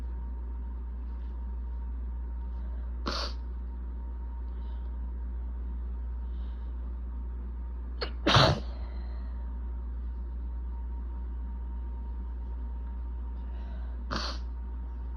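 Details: Three separate sneezes over about fifteen seconds, the middle loudest, against a steady low hum; itchy, desperate allergic sneezing fit with building congestion, recorded 3/21.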